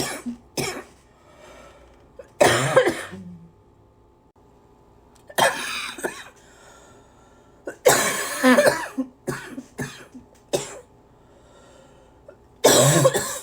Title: #83 - lots and lots…and lots of coughing